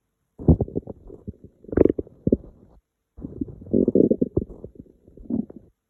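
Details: Low gurgling, bubbling rumbles in two long runs; ordinary hungry stomach rumbling, borborygmi.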